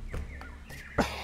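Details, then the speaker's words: Cough from an adult podcast host with a cold, recorded on microphone. "I'm going to try to edit as many of the coughs out as I can but War yeah cough warning in case I miss one"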